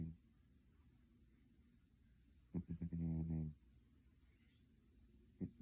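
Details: Cat snoring while sleeping hard: one low, rattling snore between quiet breaths, a normal sound of deep sleep.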